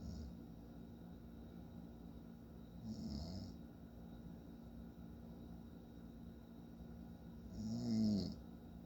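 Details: Adult man snoring during sleep: two slow, rough, rattling snores about five seconds apart over a quiet room hum.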